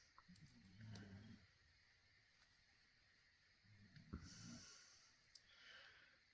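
Two low, rumbling breaths a few seconds apart from a sleeping dog over faint room hiss and small clicks: snoring.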